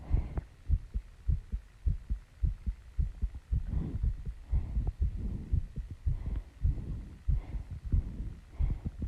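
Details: Woman's heartbeat after running and squats, slowing down while she is still out of breath; rapid, strong beat at about 105 beats a minute with heavy breathing mixed in.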